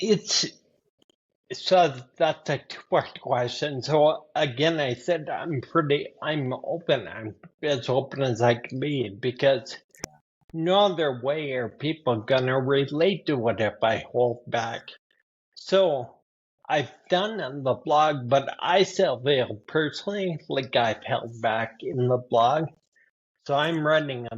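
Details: Adult man with spinocerebellar ataxia type 15 (SCA15), a rare progressive neurodegenerative disorder; speech worsening since his early 40s, with imbalance; ataxic dysarthria.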